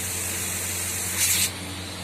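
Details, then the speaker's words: Oxygen concentrator with built-in nebulizer: steady hiss of air from the nebulizer outlet, briefly louder, over a low machine hum. "and we have to connect the tube, and this is a nebulizer chamber, this is a medicine, and you see you start getting the very good nebulization fumes."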